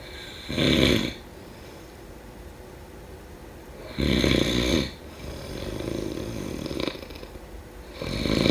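Loud, rough rattling snores on each in-breath, with softer out-breaths between, roughly every four seconds: snoring.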